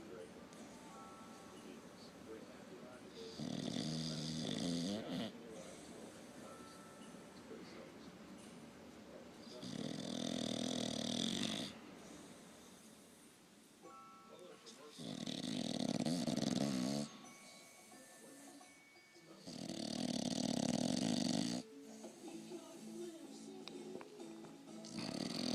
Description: Lazy English Bulldog snoring with one eye open